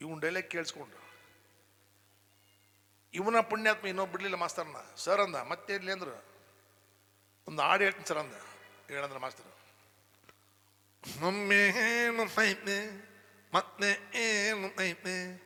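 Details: Acted: a comedian imitates a boy with a short tongue who lisps or stammers, singing with consonants substituted by 'g' sounds; imitated articulation disorder (lisp).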